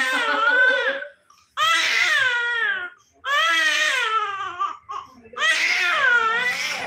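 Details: 3-month-old baby girl crying after ear piercing: high-pitched, intense crying in long wailing bursts with short gasping pauses, a distressed pain cry, with music in background.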